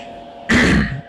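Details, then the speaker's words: Throat clearing from an adult man: a single short, rough throat-clearing burst with faint room hum behind it; he remarks he sounds like a smoker. "[clears throat] I sound like a smoker."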